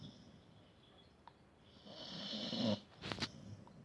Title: My Dog Snoring funny